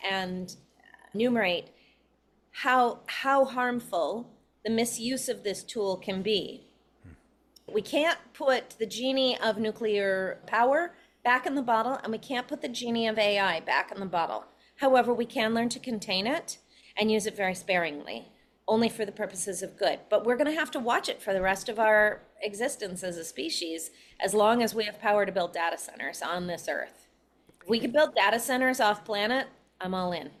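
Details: Adult woman speaking; ordinary speech.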